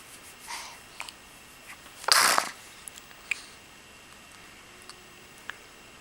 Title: Yawns and Sneezes